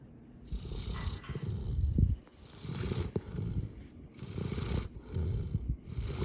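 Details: Heavy snoring: low, rumbling snores with each breath, roughly 25 breaths a minute, rising and falling in loudness.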